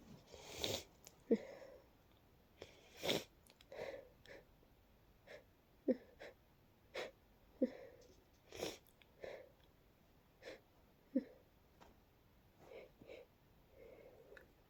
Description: I'm coming down with a cold, so my nose decided that would be a fun fit to have at night 🥲🫠... So congested and breathy, almost buildupy